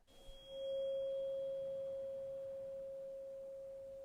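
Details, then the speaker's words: Simulated ASMR cranial nerve exam, Rinne test: a struck tuning fork is placed on the bone behind the ear, then moved in front of the ear; a steady, pure ringing tone slowly fades. "and I want you to tell me when you can't hear the sound of the tuning fork anymore and then I'm going to move the tuning fork round to in front of your ear yeah and I want you to tell me if you can hear it again okay"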